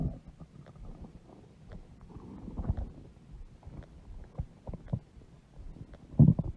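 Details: Adult woman (mother) with a large belly: low gurgling rumbles and bubbling sounds; typical stomach growling from gas and fluid moving through the gut.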